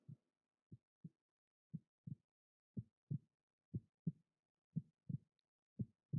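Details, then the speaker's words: Heartbeat of a young great-nephew: steady paired low thumps at about 60 beats a minute against a quiet background. "Among them is my great-nephew. Hear the sound of his heart."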